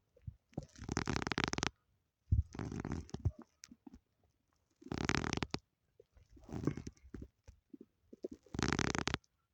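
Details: Several separate gurgling, squeaky rumbles of about a second each with quiet gaps between, audio only: normal stomach growling (borborygmi).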